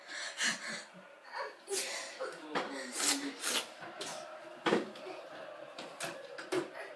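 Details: Two young children sneezing: several sharp, noisy bursts in a small room, mixed with giggly vocal sounds.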